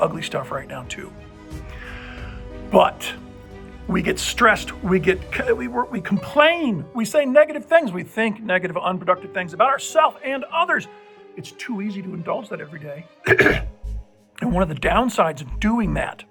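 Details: Adult male with dysphonia persisting nine months after a respiratory illness of unclear cause; infection cleared, no breathing trouble, but an uncontrollable spasmic cough remains; voice differs from his normal voice, possibly temporary.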